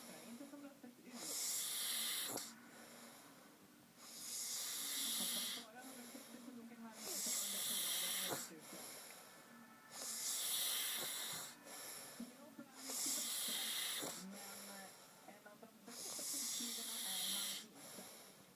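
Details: Adult snoring in sleep: regular, harsh, hissing snores at about 10 breaths a minute, each followed by a shorter whistling outbreath.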